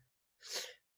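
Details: A single sharp, hissing sneeze from an adult sick since the previous day with cold, fever and headache.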